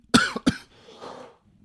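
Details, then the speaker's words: Adult man, former smoker who quit in rehab, who says he has been coughing like a smoker lately: two quick, sharp coughs followed by a soft, breathy trailing sound. "Anyways, I sound like a fucking smoker right now. I've been coughing like that lately."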